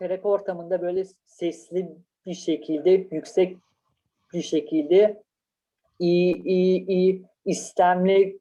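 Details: Stuttering in a Turkish-speaking person who stutters.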